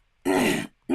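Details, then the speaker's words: Adult who has been sick for a month, woken with a lingering cough not yet gone: a harsh, rough, partly voiced cough burst with the start of another at the end. "I am still I woke up this morning clearly you hear the cough is still not completely gone it has been a month I've been dealing with this for a month that I've been sick"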